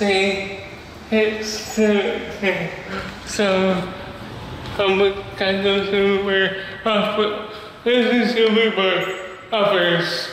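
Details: Male with cerebral palsy who describes having a speech disability; dysarthria due to cerebral palsy.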